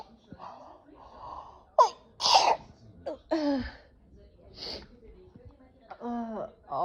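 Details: Sudden bout of sneezing and coughing, cause uncertain (possibly allergies): sharp sneezes with breathy intakes, a cough or two, then a brief vocal groan.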